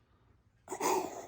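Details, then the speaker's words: Croup: classic barky cough and high-pitched inspiratory stridor, noisy breathing in. "Um, and gives that classic both barky cough and that high-pitched strider sound which is that noisy breathing in."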